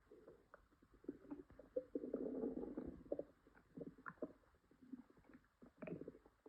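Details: Woman with an upset stomach (stomachache, diarrhea tagged): soft, irregular gurgles and rumbles with short squeaky bursts, active stomach growling (borborygmi).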